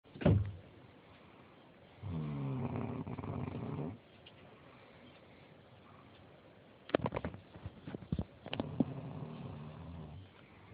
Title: Mum snoring.3gp